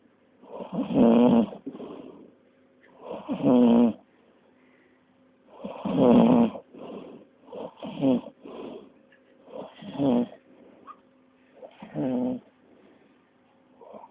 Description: This is what a snoring rhino sounds like, lmao :oD